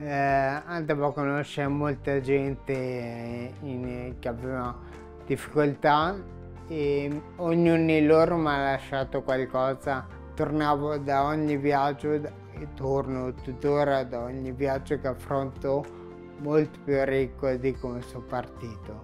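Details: Young man with Friedreich ataxia, a rare genetic neurodegenerative disease; ataxic dysarthria.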